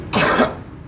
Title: Girl coughing